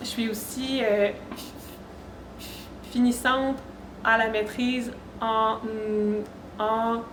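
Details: Stuttering in an adult woman who reports blocks, sound prolongations, repetitions and tension when speaking; she is speaking French in public at a communication-disorders event.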